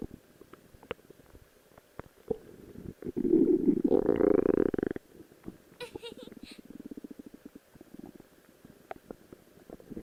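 Gurgling, rumbling gut noises with a longer drawn-out growl midway: ordinary stomach growling.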